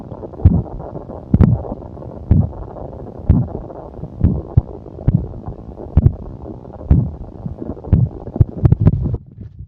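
Low, irregular gurgling rumbles about once a second over a steady low hum; ordinary bowel sounds, stomach growling.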